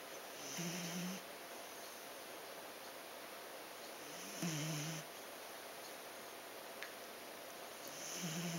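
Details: Heavy snoring from a sleeping dachshund: low rumbling snores with a brief whistling edge, recurring about every 3.5 seconds over steady room hiss.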